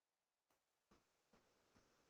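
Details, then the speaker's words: Simulated profound hearing loss (91–120 dB or more), where even very loud sounds like airplane turbines, trucks or fire alarms may go unheard; near silence with a few faint, muffled taps. "vamos ver o que houve alguém com perda auditiva profunda tem que prestar bastante atenção"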